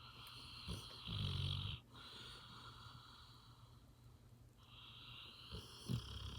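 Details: Dog snoring in deep sleep: soft, low rumbling breaths with a faint whistle and brief snorts against a steady background hum.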